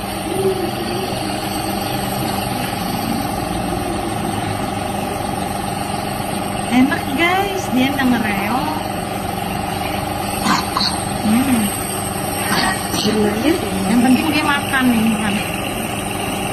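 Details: Nebulizer treatment for a child who is ill with cough and cold: steady motor hum of a nebulizer compressor running, with brief voices over it.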